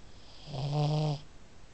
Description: THIS IS OUR PUG MILLIE, SHE SNORES ALL THE TIME THIS TIME SHE WOKE HERSELF UP, THEN ROLLED OVER AND WENT BACK TO SLEEP WITH HER EYES OPEN